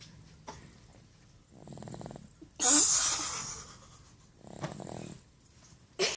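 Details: A sleeping dog snoring, possibly with the sniffles: low fluttering snores alternating with a loud hissing exhalation.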